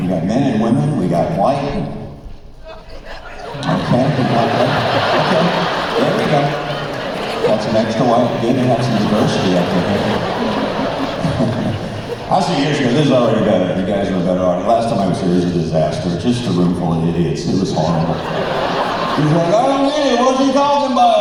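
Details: Man, former record producer, with incurable spasmodic dysphonia developed at the height of his career, progressively worsening until voice was lost, unhelped by vocal coaches and doctors, audible in his voice; spasmodic dysphonia.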